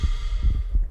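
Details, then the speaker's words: Simulated normal heart sounds from a lifelike respiratory-therapy training mannequin, heard through a stethoscope placed on the chest: low, soft thumps with a faint steady hum behind. "And the heartbeat. You can feel it! That's cool."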